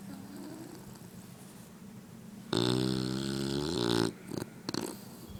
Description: My English Bully snoring as she sleeps. Soo funny. XD